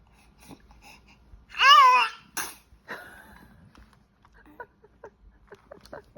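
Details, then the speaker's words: 85-day-old baby sneezing: a drawn-out, squeaky, voiced build-up ends in a sharp sneeze burst, then soft infant sounds; a normal baby sneeze. "옳지. 재채기 했어?"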